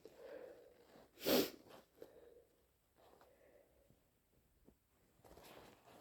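One loud, wet sneeze burst, with sniffing and nasal breathing before and after, in a small quiet room.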